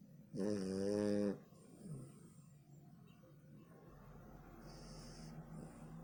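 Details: Dog snoring: one loud, rumbling, vibrating snore on the in-breath, then a quieter breath.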